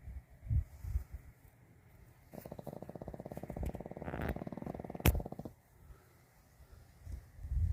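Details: Snoring, possibly with farting: a low, rapidly fluttering rumble lasting about three seconds, then a brief sharp burst, between quiet breaths; a rattling snore.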